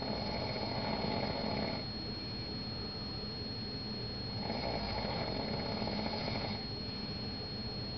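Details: A sleeping man snoring in Vegas after the curtains were opened: slow rumbling breaths in a steady rhythm, louder on each inward breath, over a constant room hum.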